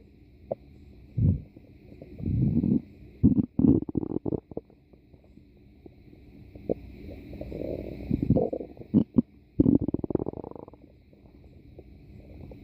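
Irregular gurgling and bubbling rumbles in bursts with quiet gaps; ordinary stomach growling from gas and fluid moving through the gut.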